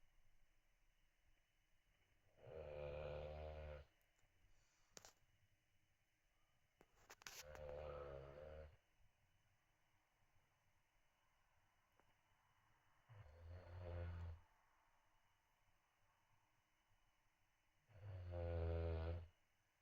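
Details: Sleeping bulldog puppy snoring: deep buzzing snores with a nasal, humming quality, about 12 a minute, separated by quiet pauses.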